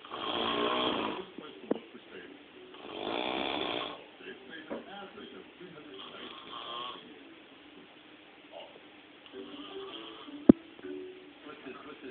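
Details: Snoring during sleep: two loud, rough, rattling snores on breathing in, followed by quieter fluttering breaths and a sharp click.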